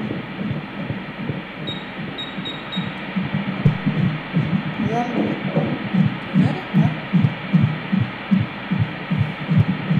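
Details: Rapid, regular whooshing Doppler pulses of a fetal heartbeat, about 150 a minute, within the normal range, recorded at a gender scan.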